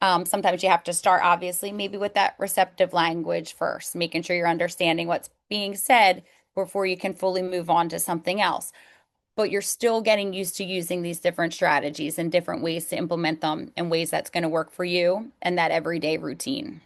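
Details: Adult woman speaking; normal speech.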